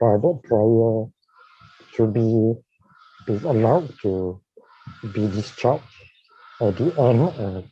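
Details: Dysarthria in a man with ALS diagnosed in 2018 and tracheostomised in late September of the previous year.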